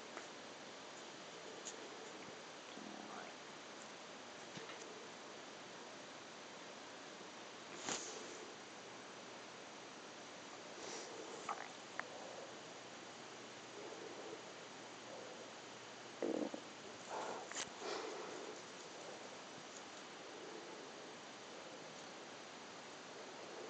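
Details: Maternal stomach growling (bowel sounds) recorded at 28 weeks of pregnancy, while capturing fetal movements and hiccups: soft, scattered gurgling and rumbling bursts over a steady hiss.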